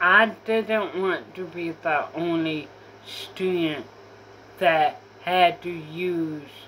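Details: Apraxia of speech in a female speaker who says she has apraxia.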